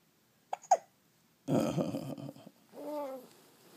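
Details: Hiccups: two quick, sharp hiccup sounds, then vocal babbling and a brief whine in a quiet room.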